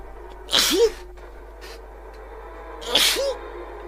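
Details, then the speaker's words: Sneezing during a gaming stream: two sneezes, each a sharp hissing burst ending in a brief squeaky note, with faint background music. "because I sneezed and my uh made my eyes go a little bit funny just ran onto the spikes"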